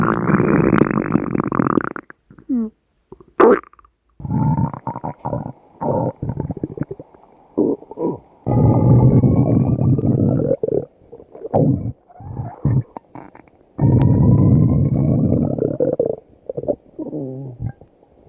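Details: Long, low gurgling rumbles with shifting pitch and short pauses between them: ordinary stomach growling from gas and fluid moving through the gut; borborygmi.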